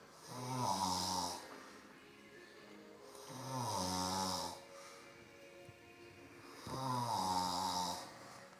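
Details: Adult step-father snoring while asleep in front of the TV: deep, rumbling snores on each breath in, about three over eight seconds, with television sound in the background; ordinary snoring.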